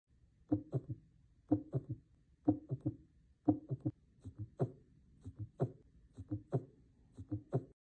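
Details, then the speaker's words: Heart sounds at about 60/min with extra soft sounds, S3 in early diastole and S4 in late diastole, around S1 and S2 giving a galloping rhythm; S3 and S4 gallop, generally abnormal. "sometimes we may hear two more heart sounds S3 and S4 which are generally abnormal S3 is heard in early diast and S4 is heard in late diast let's listen"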